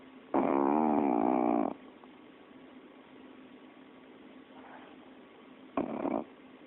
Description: My cocker spaniel, Molly, snoring after a long day's... Well... Sleeping.